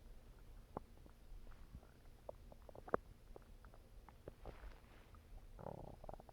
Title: Stomach Growling